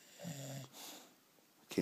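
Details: Ordinary snoring: one low, buzzing, slightly tonal snoring breath, then quiet breathing and a brief noise at the end.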